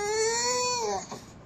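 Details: A single sustained infant cry, high-pitched and tonal, rising then falling off into a brief catch of breath: a crying baby.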